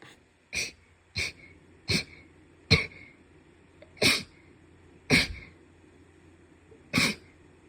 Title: sneeze 51-60